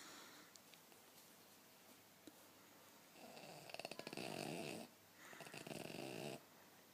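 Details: Sleeping King Charles Spaniel snoring: quiet room, then two long rough breathing sounds, the first opening with a fluttering rattle.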